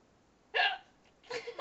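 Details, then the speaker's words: Hiccups in a person who calls them painful: two abrupt, sharp voiced gulps about a second apart. "hiccups again again I don't think they are [Laughter] anymore mus hiccup machine I need to stop it's painful"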